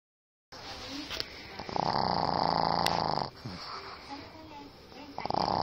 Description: 実家で飼っているパグ、うめのいびき。